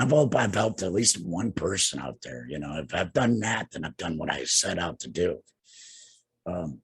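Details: Tracheoesophageal speech in an adult man two years after laryngectomy for cancer treated with radiation and chemotherapy; he has no larynx, breathes through a neck stoma and speaks with a TEP voice prosthesis, using an HME.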